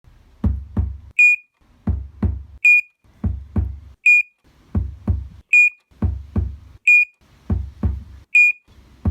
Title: Sound effect - heart monitor failing